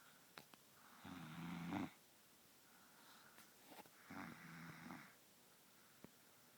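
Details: Baby girl snoring loudly after falling asleep: two rattling, buzzing breath sounds a few seconds apart in a quiet room; snoring.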